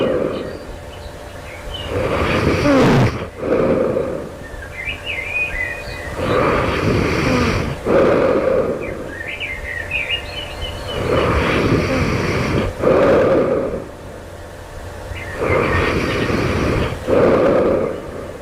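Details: Loud, rough snores about 14 a minute with irregular spacing, bird calls and outdoor noise behind, recorded just before waking; the snorer wonders if this is sleep apnea; heavy snoring.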